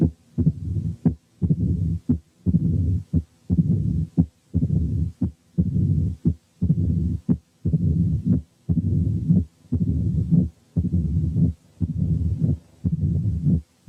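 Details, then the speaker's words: Mitral stenosis, patient first supine with a low rumbling mid-diastolic murmur at about 58/min; on turning onto the left side the murmur lengthens to fill diastole and gains presystolic accentuation. "دلوقتي هنسمع حاله ماترال ستينوزس والمريض نايم على ظهره، هنسمع الميد دايستوليك مامر. بعد كده لما يلف وينام على جنبه الشمال المامر هتطول وتطول لغايه ما تملى الدايستلي ويبقى لها بري سيستوليك اكسنتويشن."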